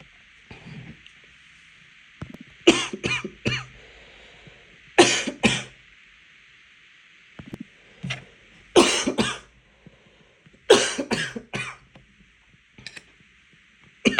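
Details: Coughing fit after choking on water while drinking: repeated forceful, harsh coughs in quick runs of three or four, clearing the aspirated water.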